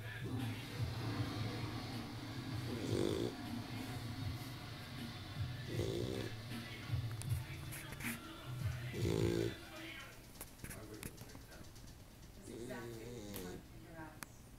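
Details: Loud, low, rumbling snores with snorting bursts about every three seconds, mixed with background music and talk; recorded in 2007 on a Flip Video camcorder.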